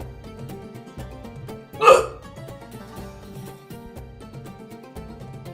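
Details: Man with hiccups, talking and joking about them: a single sharp, voiced hiccup over steady background music; hiccup.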